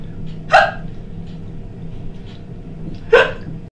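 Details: Woman with a chronic hiccup condition hiccuping during housework: two abrupt, sharp voiced hiccups about two and a half seconds apart over steady room noise.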